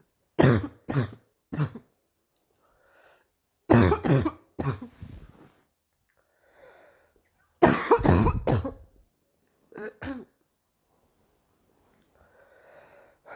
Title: morning cough part 2